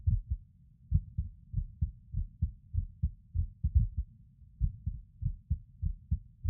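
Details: Male lying on his bed recording his own skipping heartbeat: low heart thumps around 100 a minute with uneven spacing, some beats early or paused; irregular rhythm with skipped beats.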